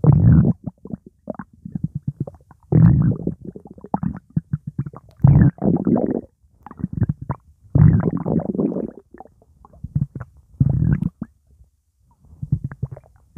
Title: Coke a cola swirling around my stomach